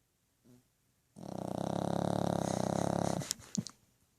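A sustained rattling, buzzing breath noise lasting about two seconds, followed by a couple of soft snuffles; a snore from a sleeping dog.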